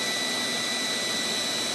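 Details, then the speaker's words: Steady hissing rush of air, like a small hair dryer: a dental air syringe drying a young girl's teeth during repair of luxated teeth, before bonding with a curing light. "okay now we're just dying them sounds like a little hair jar"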